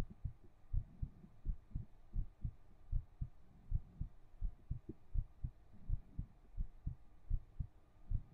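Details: Soft, steady low double thumps at about 80 beats a minute, from a 3Dio binaural ASMR stream; regular heartbeat.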